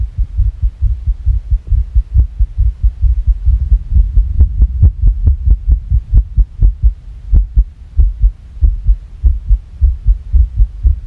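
Rapid heartbeat, roughly 130 a minute, with uneven spacing between beats over a low hum: a fast irregular rhythm.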